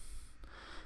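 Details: Endoscopic ear microsuction removing ear wax and skin ribbons from the ear canal: quiet steady suction hiss with a brief slurp as material enters the tube.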